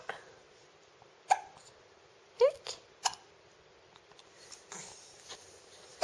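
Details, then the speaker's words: A 10-week-old infant with hiccups in a quiet room: brief, sharp little catches of breath, about three or four in six seconds; infant hiccups. "maar eens kijk eens aan. Je hebt de hik."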